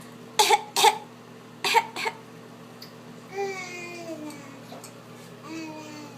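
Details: Young child with a bad cough: four sharp coughs in two pairs, followed by soft whimpering babble.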